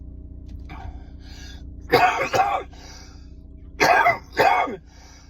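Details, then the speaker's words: Adult coughing in a stopped car, body trying to clear mucus: two pairs of harsh coughs with softer breaths between, over steady car noise; coughing fit. "just having a bit of a cough fit. body's trying to clear all the mucus. This is what to expect."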